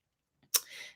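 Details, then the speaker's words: An adult talking on camera coughs once, a real cough, then says her voice sounds like she is losing it, husky. "was just a real real deal cough i'm sorry it's fun isn't it"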